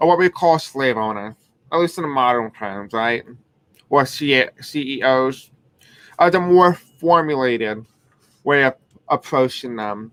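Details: Deaf man who reports a deaf accent and difficulty pronouncing certain words; deaf speech.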